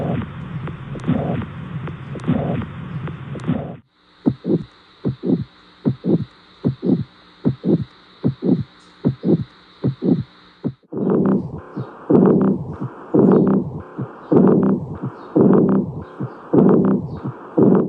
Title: heart sound